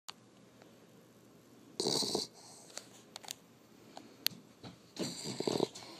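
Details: An exhausted sleeper snoring: two rough, snorting breaths with small clicks and snuffles between them in a quiet room.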